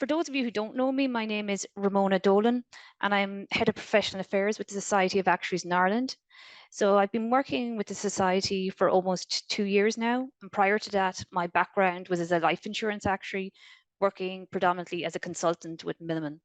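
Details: Adult woman; Normal speech.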